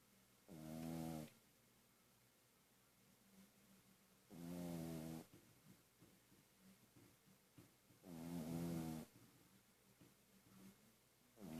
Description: Pug-a-Poo ( Otis ) is snoring